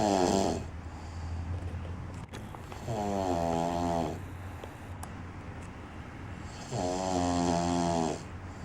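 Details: Man snoring loudly enough to keep others awake, like two chainsaws; buzzing snores of about one second each, every three to four seconds, with low room hum between: loud snoring.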